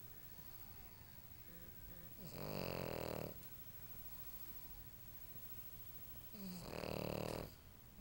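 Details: Lucy, a pug, snoring very loudly when tired: two loud, rattling snores about four seconds apart (roughly 15 breaths a minute) while sleeping, over quiet room noise.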